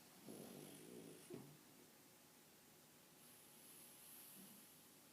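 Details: Snoring from a sleeping pet that appears to be dreaming, with lips and feet twitching; it snores almost all day, every day.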